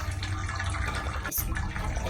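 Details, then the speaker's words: Microsuction of the left ear of a patient with clay-type, matted, impacted black wax plug: steady low rushing suction with a brief interruption as the tip works around the edge to mobilize the plug's bottom and detach it anteriorly. "so I mobilize the the bottom of this black plug and now trying to detach it from the anterior"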